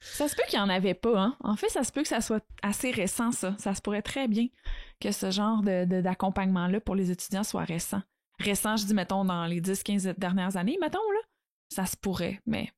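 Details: Adult woman speaking French; normal fluent speech.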